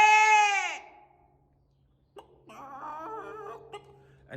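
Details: Echolalia in an autistic man, vocally imitating sheep and chickens.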